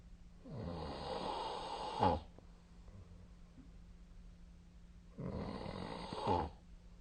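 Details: Person snoring during sleep (also sneezed while asleep): two rough, rattling inhalation snores about five seconds apart, with quiet pauses and a steady low room hum.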